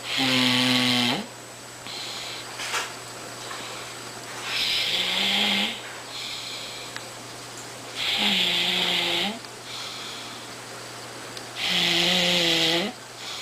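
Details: A man snoring: loud, vibrating snores about every three to four seconds, each followed by a softer breath out, over a steady room hum; regular snoring.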